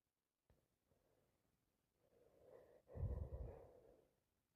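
Snuffly, congested breaths build into a sharp sneeze-like burst, consistent with the blocked, noisy nasal breathing of a common cold.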